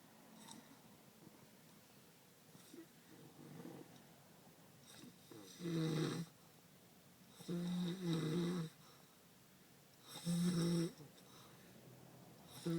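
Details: A male cousin with some kind of sleep disorder, who falls asleep anytime and anywhere, snoring: three loud, rattling inspiratory snores every two to three seconds, with quieter breathing between.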